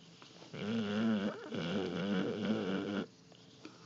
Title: Snoring Neo Mastiff